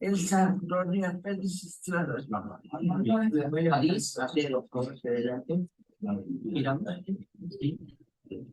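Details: Woman with stable liver failure and worsening language and gait disturbance, falls, bilateral dysmetria worse on the right, ataxia, wide-based gait, reduced arm swing and freezing of gait; movement disorder presenting systemic disease; saying her name; dysarthria.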